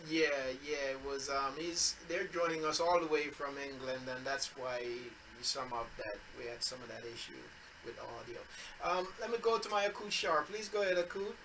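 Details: Adult man speaking; normal voice.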